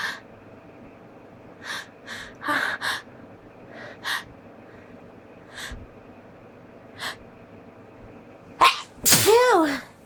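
Several short, stifled sneeze-like bursts and catches, ending in a fuller sneeze followed by a voiced exclamation.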